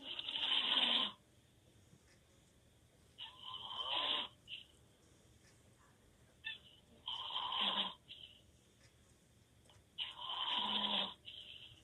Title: Loud snoring 😴 boyfriend open mouth snore